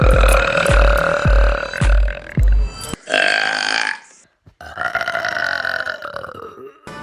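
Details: Compilation of burps: long, loud, drawn-out belches, repeated, with music and beats in the background.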